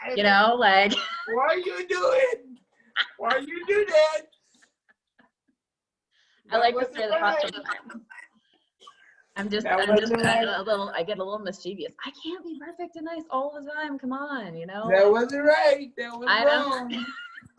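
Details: Adult man with cerebral palsy who uses a wheelchair; at birth doctors told his family he would never be able to speak; speech in cerebral palsy.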